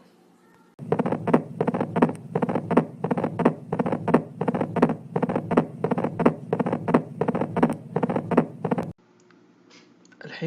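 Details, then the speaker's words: Mitral stenosis heard on auscultation: an opening snap and a mid-diastolic murmur, described as two beats, the first from the valve opening and the second from the valve closing. "عشان كذا انا قلت لكم الستينوزس حيكون ضربتين، الضربة الأولى فتحة الصمام، الضربة الثانية تسكيرة الصمام."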